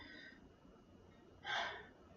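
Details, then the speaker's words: Simulated nursing respiratory assessment, auscultating the posterior chest in a Z pattern during full deep breaths: a single deep, airy breath in a quiet room with no added noises; all fields clear, normal breath sounds. "you take some nice full deep breaths in and out for me excellent then you want to go on the z pattern deep breath all fields are clear so far"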